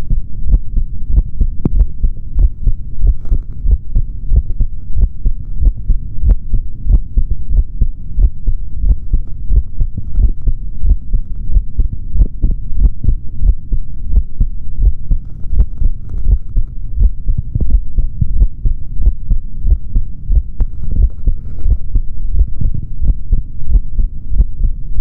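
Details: Normal heart sounds of a male through a stethoscope: steady low thumps at about 92 beats a minute with a faint hum behind.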